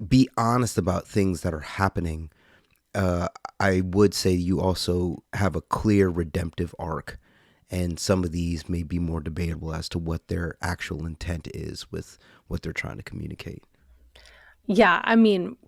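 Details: Adult man speaking in conversation; normal voice.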